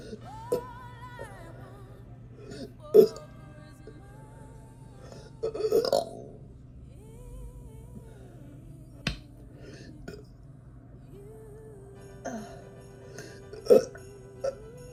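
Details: Woman deliberately burping: several drawn-out voiced belches with short bursts between, over faint background music.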